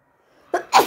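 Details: A quick indrawn breath, then a loud, explosive sneeze.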